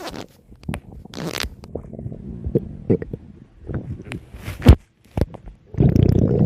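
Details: Low gurgling and rumbling bowel sounds with squelches and a few louder gurgles from gas and fluid moving through the gut; ordinary stomach growling (borborygmi).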